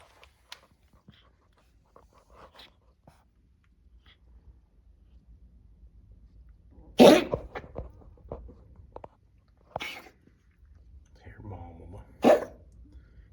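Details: Cat Jack, recorded Mar 1 2025, gives three sharp, dry cough bursts amid quiet shuffling; owner suspects a hairball (asthma hashtag): cat cough.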